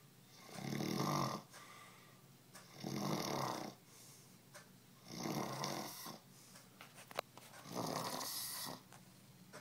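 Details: Adult passed out drunk after almost a handle of vodka: four loud, rough snores at regular intervals, about 26 a minute, quiet exhalations between; snoring.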